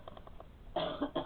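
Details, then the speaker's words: Two or three harsh night-time coughs after faint tapping in a quiet room, from an adult woman (the caregiver's mother), propped on pillows; caregiver suspects postnasal drip or a heart valve problem; cough. "я поставил чтобы ты перестала кашлять правильно надо регулярно skype чувствует наклоном завод то подушки"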